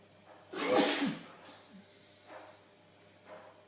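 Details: Adult male, eyes watering, caught by surprise after thinking he'd finished: one forceful sneeze, then a couple of soft breathy sniffs; ordinary sneeze.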